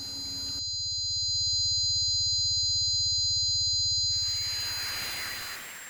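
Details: Electronic recreation of one person's tinnitus: steady high-pitched ringing tones over a low, rapid pulsing buzz.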